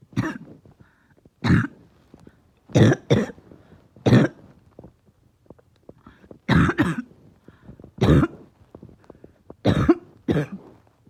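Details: Adult whose chest is really hurting gives about ten harsh, deep, barking coughs, some in quick pairs, with quiet gaps between; barking cough.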